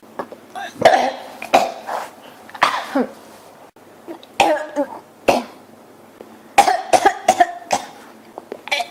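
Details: Repeated dry coughs and throat clearing in quick runs, hardly pausing, from a person whose throat feels scratchy today; persistent cough.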